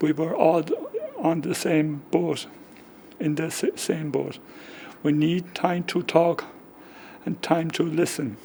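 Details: Man with aphasia caused by a stroke 10 years earlier, just before his 55th birthday, affecting talking, reading, writing and spelling; comprehension is preserved but he has difficulty getting words out; aphasia.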